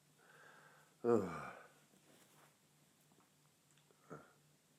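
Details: One loud, explosive sneeze with a sharp onset and fading tail, then quiet breathing and a brief sniff, from a male with a tickly nose, within a series of repeated sneezes.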